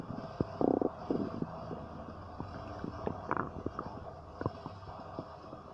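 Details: Stomach noises: gurgling abdominal bowel sounds (borborygmi).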